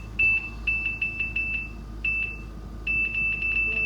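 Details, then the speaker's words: Run of short, high-pitched electronic beeps over a steady low machine hum as the timer button (up to 240 minutes) is pressed on a home oxygen concentrator delivering 1–5 litres. "พอเราจะใช้ออกซิเจนก็ใช้ได้2วิธีเราอาจจะใช้ต่อเนื่องหรือเราจะตั้งเวลาก็มีปุ่มตั้งเวลาอยู่ตรงนี้นะคะ"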